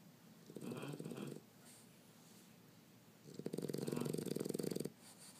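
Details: Pitbull snoring in sleep: two long rattling, fluttering snores separated by quiet breathing.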